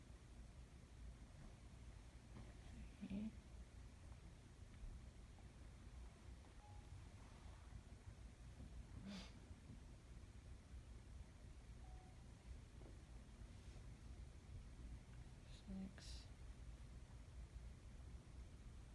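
Occasional brief gurgles and clicks over steady low stethoscope rumble, consistent with normal bowel sounds.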